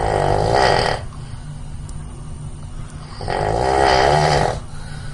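Two loud, rattling snores on the in-breath, about three seconds apart, with quieter breathing between: snoring at roughly 19 breaths a minute.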